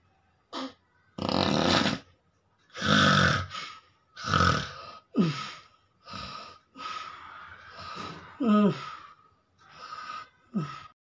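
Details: A person asleep while sitting up, snoring loudly: irregular rattling snores and snorts on breathing in, some with a rising voiced tone, amid quieter breaths.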